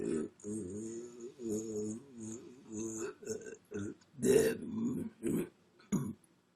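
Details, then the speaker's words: Person burping on purpose: a run of long, low, voiced belches, some drawn out and wavering, then several shorter bursts, described as air coming up in little bubbles after Coca-Cola; repeated burping. "that was messed up oh my gosh no like air kept coming up in little bubbles that was weirdo Coca-Cola"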